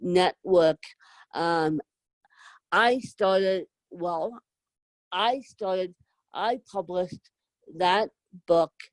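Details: Adult woman with moderate to severe cerebral palsy, needing help 24/7; dysarthric speech in cerebral palsy.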